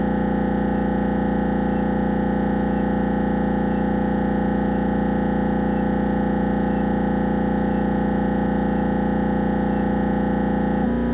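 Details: Siemens Magnetom Avanto MRI head scan: loud, steady droning buzz with fast regular pulsing, about 160 a minute; normal scanner noise.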